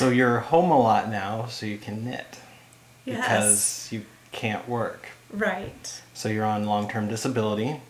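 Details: Adult male speaker; normal speech.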